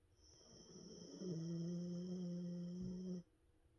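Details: Snoring from a sleeping pet dog, possibly a puppy.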